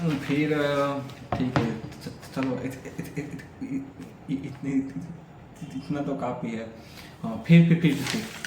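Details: Adult man who stammers, on day 3 of a daily stammering practice routine with breathing and relaxation exercises, speaking Hindi with word repetitions; stuttering.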